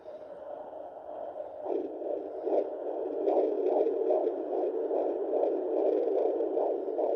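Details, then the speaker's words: Fetal heartbeat of a boy at 17 weeks of a third pregnancy, picked up at home with a battery-operated home Doppler: rapid, regular whooshing pulses over Doppler hiss at about 145 a minute. "i just used an at-home doppler from amazon i can link this one below for you guys in case you're pregnant and you want to be able to hear your little ones heartbeat at home"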